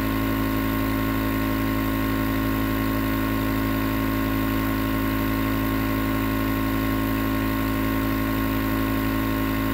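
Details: Continuous nebulizer compressor running, recorded as white noise for sleep: steady mechanical hum with a fast rattling buzz and an even hiss throughout.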